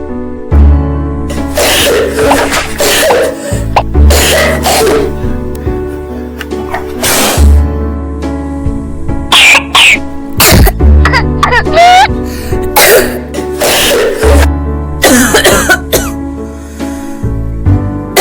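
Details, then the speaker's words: Child with phlegmy cough, runny nose and congestion, possibly common viral cold: repeated loose, phlegmy wet coughs over background music. "Si la tos de su hijo suena como si hubiera mucha flema Y tiene secreción nasal con congestión, Entonces puede deberse al resfriado viral común"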